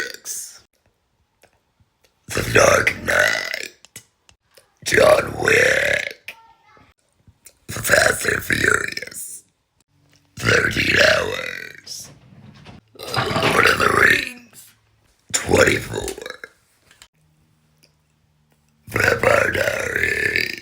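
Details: Girl deliberately burp-talking while listing her likes and interests: long, voiced belches, some shaped into words, separated by silences.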